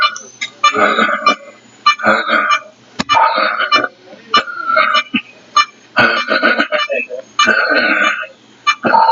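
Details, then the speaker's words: Patient making repeated short voiced groans with each breath: expiratory grunting, produced at end of inspiration and start of expiration. "para estar ese sonido que ustedes acabaron de escuchar en un nombre recién nombre se llama quejido respiratorio el quejido respiratorio es un sonido que se produce al final de la inspiración e inicio de la expiración"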